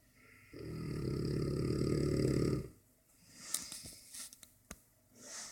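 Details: One long, loud, rattling snore on an in-breath from a sleeping Dogue de Bordeaux, then quiet room with faint clicks and shuffling.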